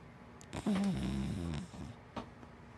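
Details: Hana, a big black dachshund–Labrador mix dog, asleep: one brief snorting, rumbling breath with a few soft clicks in a quiet room; ordinary sleep snoring.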